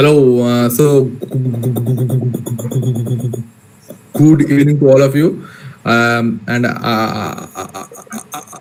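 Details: Male participant in an online session for people who stammer, introducing himself; stuttering.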